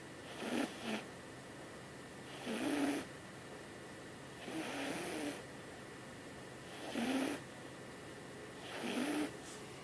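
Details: Sleeping cat snoring loudly enough to be mistaken for a person: regular soft snores, about 13 breaths a minute, each with a rough vibrating edge.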